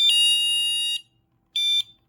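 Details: ICU bed-exit alarm demonstrated: a clip on the patient's gown pulls off when the patient tries to sit up. A loud, shrill electronic tone sounds for about a second, pauses, then sounds again briefly.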